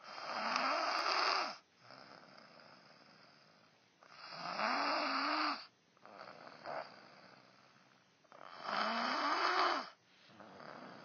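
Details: A man snoring during sleep: loud rasping snores on each breath in and quieter breaths out, about 14 breaths a minute.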